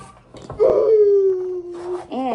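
A single drawn-out wailing cry from a young child, rising then falling and trailing off, in a small room; an ordinary cry.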